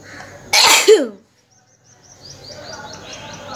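A single loud, explosive sneeze with a short voiced tail, then quiet and soft rustling noise.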